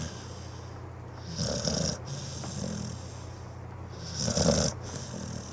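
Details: Sleeping pitbull, a loud snorer: two slow, rumbling snores with a rough fluttering sound on the in-breath, separated by quiet breathing.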